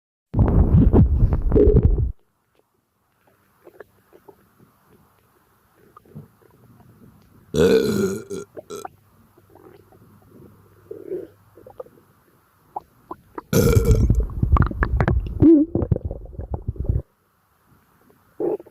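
Two loud, low, drawn-out burps separated by quieter gurgling and rumbling sounds from the stomach.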